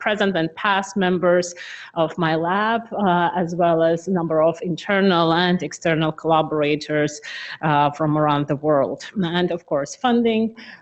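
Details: Adult female speaker; Normal speech.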